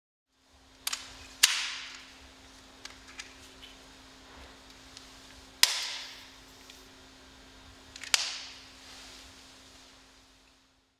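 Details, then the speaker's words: Respimat soft mist inhaler re-primed: base turned to click, cap opened, fired into the air twice; sharp clicks and brief hissing bursts. "Appuyez sur le bouton de déclenchement. Refermez le capuchon. Répétez cette procédure une seconde fois."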